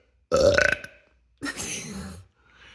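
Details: Accidental burp at the start of a hiccup spell: a single loud, gurgling burp, then a breathy voiced sound; an ordinary belch.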